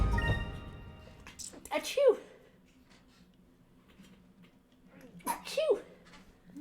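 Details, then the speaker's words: Two sudden sneezes from an adult, each a sharp noisy burst with a brief voiced cry, over quiet background music. "that was the worst I can't believe I had to sneeze"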